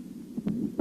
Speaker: при недостаточности митрального клапана на верхушке выслушиваются ослабление первого тона и систолический шум проводящийся левую подмышечную область